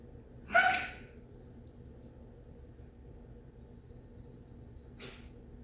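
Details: A dog coughing: a single sharp, explosive burst, then a much fainter second burst a few seconds later, over quiet room noise.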